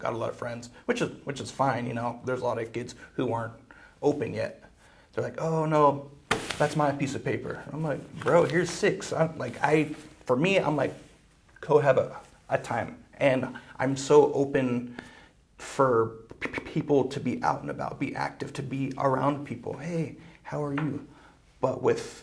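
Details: Male podcast host with a speech problem involving blocks, who uses strategies to stay fluent; stuttering.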